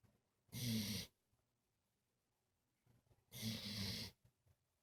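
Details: Dad's dog snoring like a human after getting too tired: two loud, rasping snores about three seconds apart with quiet pauses between.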